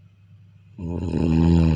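A single loud, rattling snore on an in-breath, low and buzzing, after a quiet pause; ordinary snoring.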